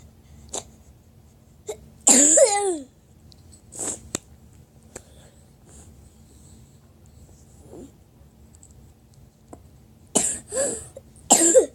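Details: Several abrupt, harsh coughs in a quiet room, one longer burst with a drawn-out rasp, others short and sharp; repeated coughing.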